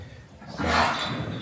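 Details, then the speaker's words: Single harsh, throaty cough from one of a group of Limousin cattle, due to be housed and dosed for worms for winter, over quiet outdoor background; cough. "little bit of coughing going on there, you can hear yourself."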